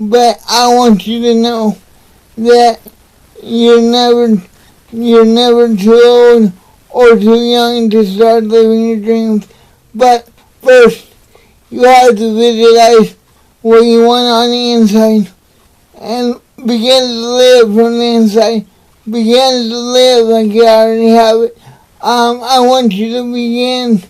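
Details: Dysarthric speech in an adult man with cerebral palsy, speaking in a motivational talk.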